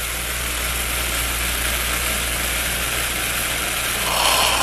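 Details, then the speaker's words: Low-speed (low-volume) dental suction turned on to draw up water, demonstrated for comparison with high-speed suction; steady rushing motor-like suction noise that rises and gurgles briefly near the end as water is drawn up. "so the first one up is going to be the low speed suction all right I'm gonna pick it stick it in turn it on"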